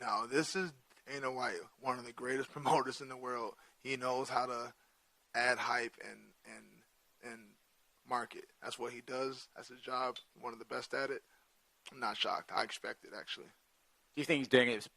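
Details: Adult male with stuttering present since childhood, which he says is hereditary (his father also has a speech impediment) and not caused by CTE.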